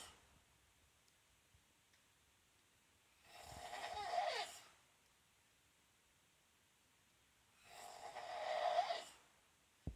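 Two long, rough, rattling breaths in a quiet room, each lasting about a second and a half, with silence between them: snoring.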